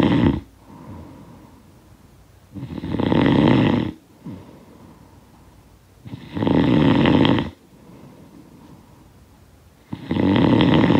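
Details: Loud, rough snoring on each breath in, about 16 a minute, with quieter breathing out between; sound-effect recording.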